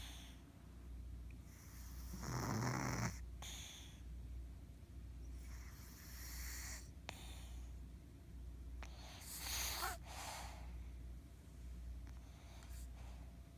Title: Fat Ginger Kitty Snores